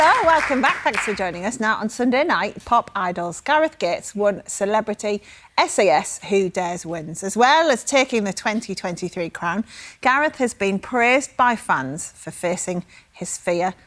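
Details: Adult female presenter; normal speech.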